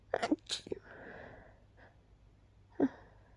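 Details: Three short, muffled, suppressed sneezes held back quietly after waking with a persistent nose tickle, with a brief sniff or breath between; stifled sneezes.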